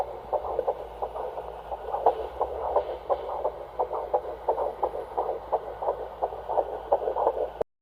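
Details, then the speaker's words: Fast, steady whooshing pulses of an unborn baby's heartbeat on ultrasound at the mother's first prenatal appointment in early pregnancy, healthy baby so far: normal fetal heartbeat. "And also the other part, the end of the video, is our first appointment where we got to see the baby and hear the baby's heartbeat as well."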